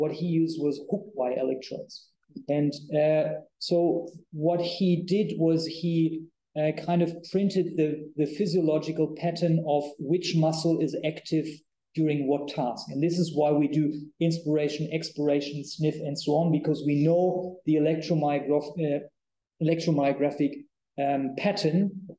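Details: Adult male speaker; typical speech.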